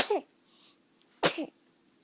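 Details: Baby hiccups: two brief, sharp gulping sounds about a second apart, each with a short voiced catch.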